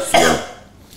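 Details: A single short, harsh cough without rattle from a young man with autism; a dry cough, possibly from dust allergy.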